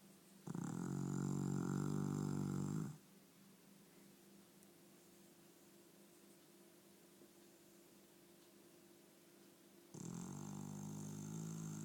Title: Funny Snoring dog2